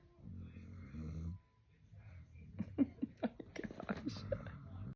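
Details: Neutered male dog sleeping: a low rumbling snore at the start, then snuffling, sniffing and clicking noises; dog snoring.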